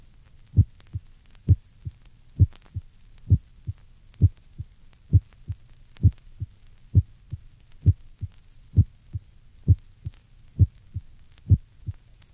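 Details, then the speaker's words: Aortic valvular stenosis at the second right interspace: soft second heart sound with a relatively loud first sound, the stenosis murmur removed from the recording; regular heartbeat about 66 per minute. "when aortic valvular stenosis is present the second heart sound is soft listen to this example you will note that the murmur of aortic stenosis has been removed"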